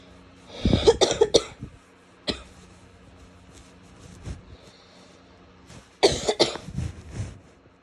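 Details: Two bursts of several quick coughs with a single cough between them, from a female in a quiet room.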